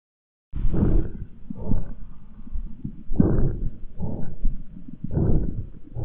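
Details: Stethoscope auscultation of breathing, about three breath cycles with rough, noisy low sounds layered on each breath; adventitious breath sound, as judged by at least 8 of 10 pulmonology specialists.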